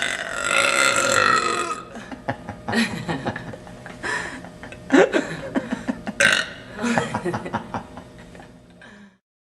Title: The Queen of Burps